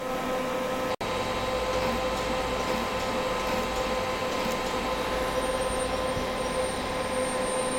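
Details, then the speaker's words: Loud steady drone from an Ellman Cortex CO2 laser at about 4 milliseconds with 80% overlap, ablating the base of an excised ear keloid from a torn piercing in a Caucasian patient during surgery. "so what we're going to do is laser the base of this keloid now with the the uh Elman cortex laser and we're going to be at about 4 milliseconds with about an 80% uh overlap there"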